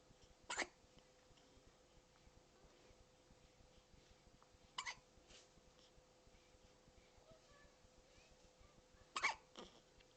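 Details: Three short, sharp hiccups, irregularly spaced over about ten seconds, in a quiet room; hiccups.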